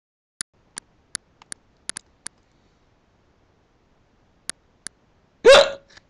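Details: Eight short, sharp hiccups in about five seconds, then a brief vocal sound, from a person with hiccups trying to talk through them on recording; ordinary hiccups.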